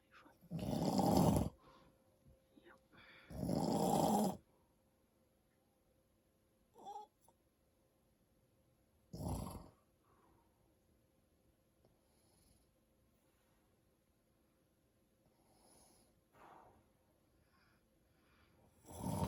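Loud, rough, rattling breaths during sleep, repeating irregularly with quiet gaps between them; snoring.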